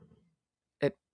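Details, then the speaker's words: Sleeping dog snoring in a room during talking: faint low rumble, then one short, loud, snorting snore; snoring. "Can you hear my dog snoring?"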